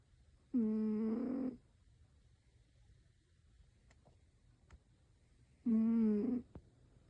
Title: Cat snoring 😴😹 #catshorts #cat #funnycats #cute #catsnoring #cutecat #catlovers #hilarious